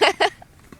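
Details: Two quick, abrupt voiced gulps, a deliberately faked burp staged on camera rather than a real one; acted imitation resembling hiccups.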